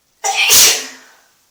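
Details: Single loud, explosive sneeze with a brief indrawn breath before it, echoing slightly in a hard-walled bathroom, recorded in a bathtub.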